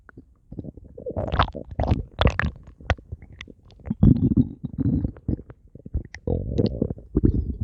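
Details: Stomach growling: bursts of low gurgling, squeaks and rumbles in quick irregular runs, normal borborygmi as gas and fluid move through the bowel.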